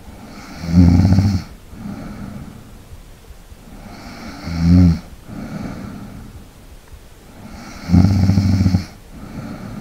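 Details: ASMR snoring and light breathing recording for relaxation: deep, rattling snores on inhaling roughly every 3–4 seconds, with softer breathing out between, steady sleep snoring.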